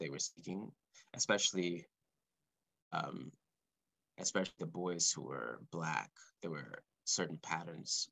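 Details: Male composer who has stuttered since about age four or five, speaking live; he describes his stuttering as blocks and repetitions; stuttering.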